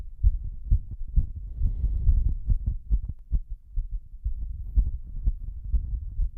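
Heavy, thudding heartbeats at a fast rate with a rushing breath noise in between, a strong pounding pulse during a breath-hold.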